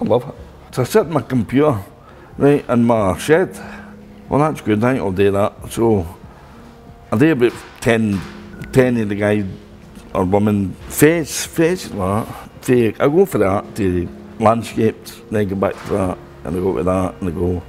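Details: Adult male artist with a stroke in 2010; he initially could not talk at all and had to relearn speaking. Aphasia after stroke.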